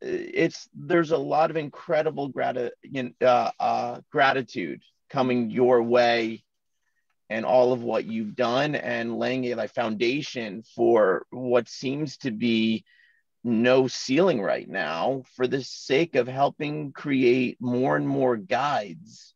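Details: Adult man who stutters, in natural conversation: stuttering.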